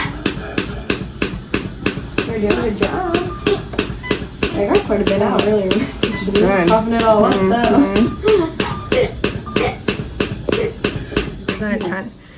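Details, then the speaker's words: Hospitalized toddler with a tracheostomy, RSV and pneumonia, given intrapulmonary percussive ventilation through the trach: rapid, steady tapping pulses at about three a second, with wavering, strained gagging and coughing. "it kind of sounds like they're patting him on the back but it's really just the machine pushing air into his his drake um and then he's doing a lot of coughing and gagging"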